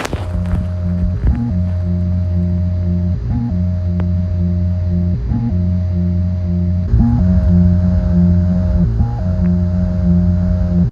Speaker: this person needed surgery to have an artificial heart placed in his chest this is what the heartbeat of an artificial heart sounds